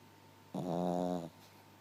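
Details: Snoring in a sleeping puppy: a single rough, buzzing breath sound.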